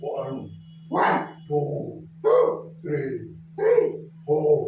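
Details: Puberphonia in a young male counting numbers during a voice treatment session, likely after a voice manipulation attempt; puberphonia.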